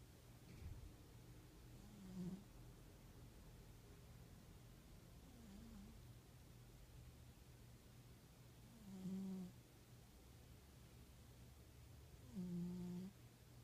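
Soft, low snoring sounds recur every few seconds over steady room hum, about 17 per minute, from a sleeping animal.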